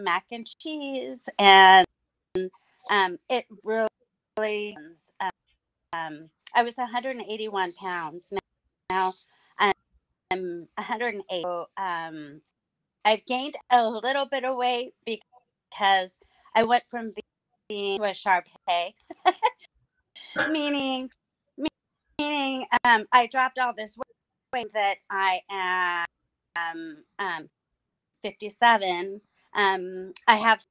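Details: Woman about nine years after hemorrhagic strokes caused by a carotid artery tear, which left her unable to talk; she relearned speech with a speech pathologist through singing. Post-stroke aphasia.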